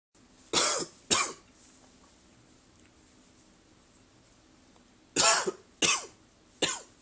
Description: Just a little first thing in the morning cough.